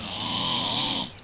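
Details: One loud, rough, rattling snore lasting over a second on an in-breath, jokingly presented as the fearsome snore of a wild creature: snoring.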